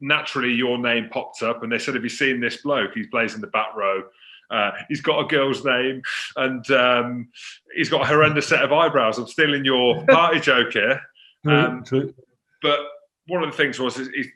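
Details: Adult male speaker; normal conversational speech.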